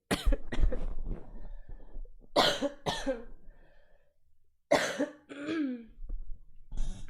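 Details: Streamer who is sick with a sore throat: several harsh coughs in two bursts, with throat clearing and breathy pauses between them.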